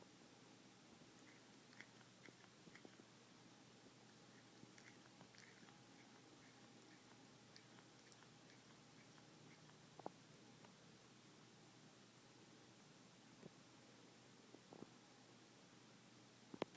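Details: Faint, irregular scraping and clicking of a cat grinding its teeth in a quiet room; this can indicate disease in some cats, but some perfectly healthy cats do it too.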